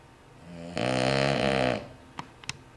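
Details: Dog snoring in a quiet room: a single loud, buzzing, rattly inhaled snore lasting about a second, followed by a couple of faint clicks.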